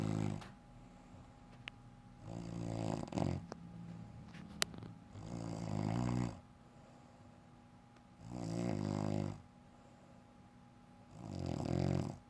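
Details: Adult woman (a wife) snoring while asleep: loud, low, fluttering snores about every three seconds, roughly 20 breaths a minute, in a quiet room.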